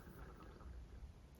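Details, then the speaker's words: Audible stomach rumbling (borborygmi) from an adult mid-speech, who says her tummy wants a snack. "my days did you hear that that's my tummy that's it it wants a snack bar i need to feed my tummy"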